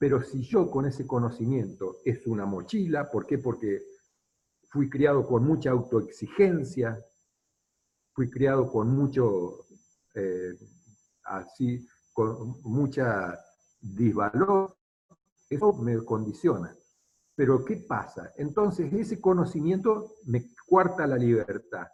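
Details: Adult man speaking Spanish; ordinary speech.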